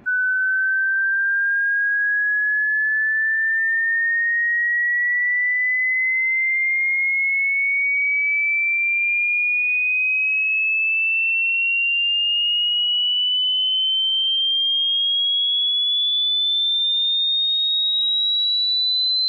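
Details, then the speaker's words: Pure tone rising slowly and evenly in pitch from 20 Hz to 20,000 Hz, an informal hearing-range test; upper audible limit said to shrink with age. "Human जब पैदा होता है तो उसका जो brand new कान होता है वो 20 हर्ट्ज से लेकर 20,000 हर्ट्ज तक सुन सकता है।"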